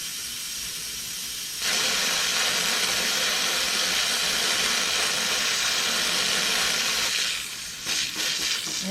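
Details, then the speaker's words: Dental high-volume suction switched on while demonstrating an M7 HVE suction mirror: loud, steady rushing hiss as air is drawn in through the holes around the mirror, then cutting back. "so i'm going to turn on my suction here you can hear it"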